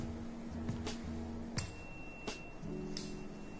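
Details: Tone of a 512 Hz tuning fork struck for a Rinne test during an ear, nose and throat hearing examination of an adult male patient.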